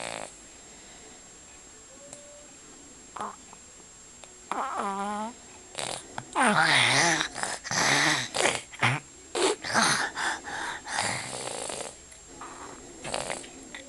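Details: Child during a cold, recorded for the pediatrician: irregular snorting, rattling breaths and nasal snuffling while asleep; noisy congested breathing.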